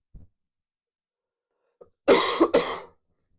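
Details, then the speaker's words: Adult with a stuffed-up, congested chest who ran out of prescribed pills: one faint throat sound, then a loud, rough, congested double cough. "Having a stuffed up chest. That's the problem."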